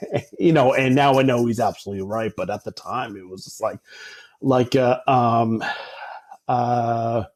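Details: Adult man with stuttering since about age 5 or 6, treated with speech therapy from age 5 to 18, speaking in real conversation; stuttering.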